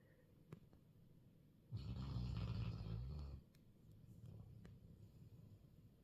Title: Sir snore a lot Mr Gorgeous Golden whilst Mrs Gorgeous Goldeness sleeps quietly 🤫.